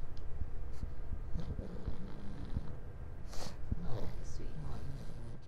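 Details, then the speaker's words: Two-year-old pug during a BOAS assessment, upper airway noise audible without a stethoscope, graded grade 2: low, rumbling snore-like noise with each breath; stertor from brachycephalic obstructive airway syndrome. "so this patient here i think you can hear some sturta there and you should be able to hear that on the camera as well"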